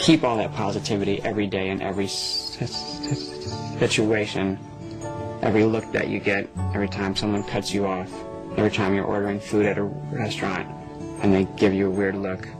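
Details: Young person who says they stutter; stuttering.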